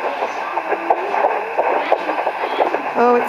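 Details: Fetal heartbeat on home Doppler at 9 weeks 4 days pregnant, first time found: fast, rhythmic whooshing pulses through static at roughly 170–180 a minute.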